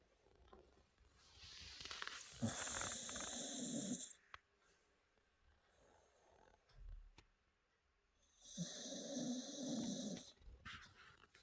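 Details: Cockapoo dog asleep at the table: two long, noisy, rattly, snorting snores separated by quieter breathing; ordinary snoring.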